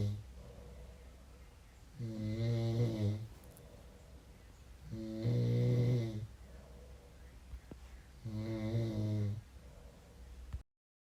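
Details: Regular loud rattling snores, three in about ten seconds, near 18 a minute, with softer breaths between, from a sleeping man; snoring.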